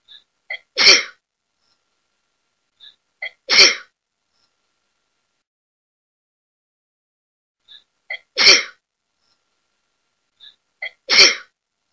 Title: I'm sneezing...